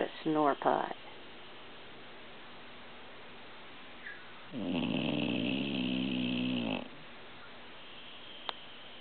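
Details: Old pit bull, a shelter rescue, snoring in sleep: two brief snorts, then a long, rattling, buzzing snore of about two seconds in a quiet room.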